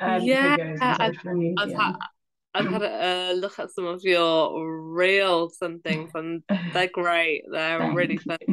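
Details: Adult female primary school teacher who stammers, speaking in an interview; stammering.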